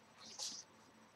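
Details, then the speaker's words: Cat sneezing indoors: one brief, hissy, high-pitched sneeze in a quiet room. "excuse that sound that's my beautiful cat sneezing"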